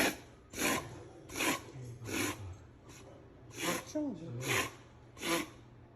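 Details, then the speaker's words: Alaskan Malamute, vet-diagnosed reverse sneezing (also treated for a cough issue with antibiotics and cough medicine): repeated harsh, rasping snorts drawn in through the nose. "We brought Lily to the vet to see what was wrong. The doctor said she had reverse sneezing and that we had nothing to worry about."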